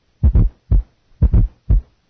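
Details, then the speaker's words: Simulated fourth heart sound (S4 gallop) at about 57 beats a minute: first S1 and S2 alone, then an extra low sound added just before the first; nursing heart-sound assessment teaching recording. "listen now to our fourth heart sound initially only s1 and s2 will be heard then an s4 will be added this is s1 s2 s4 and this is s4"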